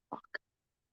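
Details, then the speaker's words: Two quick, small sneezes from a pet rabbit with a suspected allergy to Timothy hay, sneezing again after the hay was put back; nasal irritation. "Can you hear Scooby sneezing? He's got an allergy to the Timothy hay."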